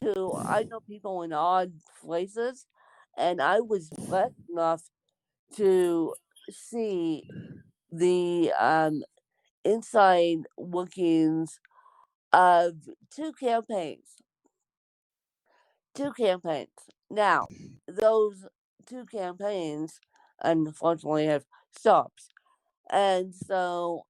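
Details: Speech of an adult woman born with cerebral palsy (lifelong, congenital); no specific speech disorder is named.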